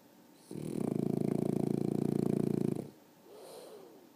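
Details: One loud, prolonged rattling snore lasting about two seconds with a rapid fluttering vibration, followed by a softer breath out. Snoring.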